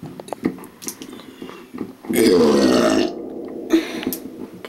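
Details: Person burping repeatedly: scattered soft sounds, then one long, loud, rumbling burp lasting about a second, followed by quieter noise.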